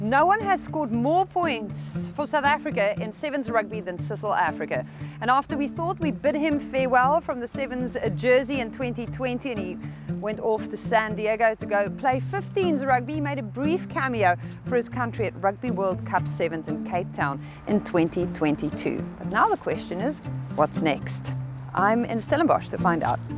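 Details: Adult male host; normal speech.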